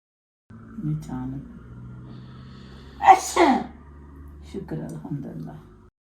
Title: How Desi Family Sneeze😂😮‍💨 #desifamily #shorts